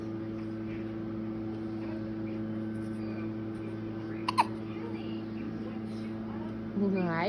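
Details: Hiccups in a wide-awake infant girl born in December: a couple of sharp brief hiccup sounds over room noise, ending in a short vocal sound.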